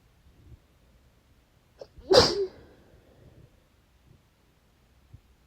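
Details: Single forceful, wet sneeze with a brief inhaled catch, cause unknown, nose tingling badly beforehand, then quiet sniffling and breathing in a still room.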